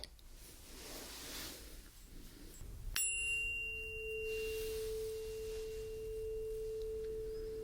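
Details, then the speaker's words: Simulated ASMR ear-exam role play by a non-doctor: tap then steady pure fading ring of a tuning fork placed on the mastoid for a Rinne test, listener asked to raise finger when sound stops: tuning fork tone. "okay now we have the renie test so I'm going to place the vibrating tuning fork on the base of your mastoid bone and I want you to put your finger up when you can no longer hear it"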